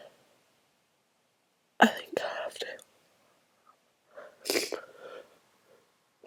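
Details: Very strong sneezes, hard to announce: two forceful sneezes, each with a gasping lead-in and a breathy, voiced burst, in a quiet room.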